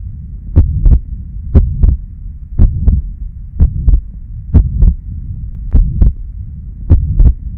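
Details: A sound-enhanced teaching recording with a regular heartbeat near 60 a minute and a low rumbling murmur filling systole; tricuspid regurgitation murmur.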